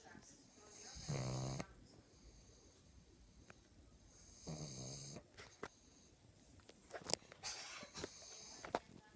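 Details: A sleeping pug snoring, with rattling, buzzy snores on the in-breath separated by quieter breathing, plus faint room noise.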